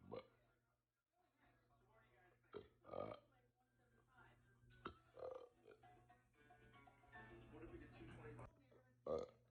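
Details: Long session of repeated belches from a person not feeling well that day, with faint music and voices behind; burping.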